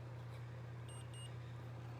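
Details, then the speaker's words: Two faint, quick electronic beeps over a steady low hum: a girl's diabetic insulin pump pod confirming it holds enough insulin after being filled by syringe through the hole in its back, before priming. "so I don't know if you could hear that there were two faint little beat beeps that tells her that it is has enough insulin in it"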